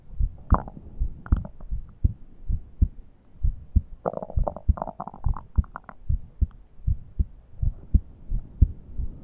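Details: Steady regular heartbeat with a brief burst of high musical wheezing midway, recorded while breathing was laboured and deep inspiration was impossible due to a suffocating feeling.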